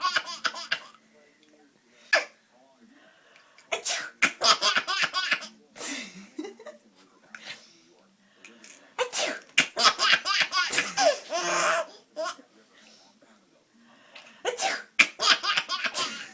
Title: Baby Laughing at Mommy Sneezing